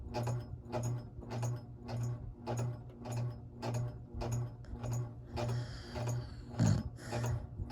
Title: snoring b